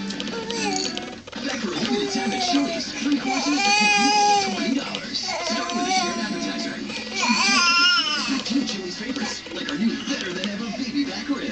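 Sustained wailing cry from an infant, with rising and falling cry bursts over music and talk in the background.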